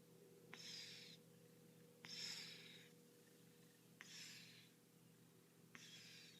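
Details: Cat asleep in his usual spot breathing so loudly it sounds like snoring: soft, airy, hissing snores recurring about every two seconds over a steady low room hum.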